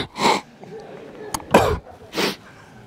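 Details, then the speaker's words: Three short, breathy sneeze bursts close together: faked sneezes performed as a prank in a crowded public place. "короче я щас туда пойду и буду чихать"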